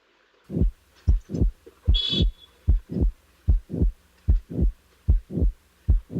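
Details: Late systolic murmur in a patient with mitral valve prolapse, with mid-systolic click added then removed; regular heartbeat about 75 a minute with a soft late-systolic murmur.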